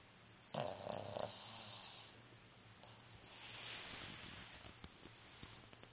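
One loud snorting breath followed by quieter raspy breathing and faint rustling; snoring in a sleeping flat-faced dog.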